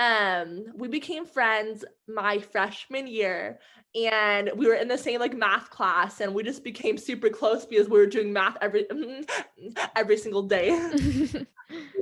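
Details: Adult woman who stutters, with sound and word repetitions; stuttering.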